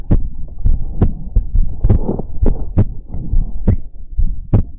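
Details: Regular low thumping heartbeat at about 68 beats a minute with steady rhythm, recorded for ASMR; a normal heartbeat.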